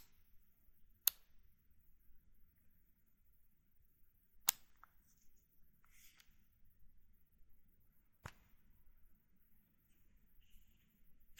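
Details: Insulin injection with a NovoRapid FlexPen, including setting the units, pen clicks and the injection: three sharp, isolated clicks with faint handling noise between them in a quiet room.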